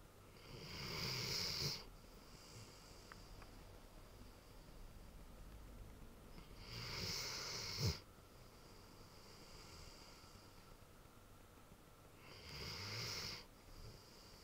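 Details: Snoring in a large sleeping Ridgeback dog: soft, rasping snores, about three breaths over fourteen seconds, roughly twelve a minute, with a small snort.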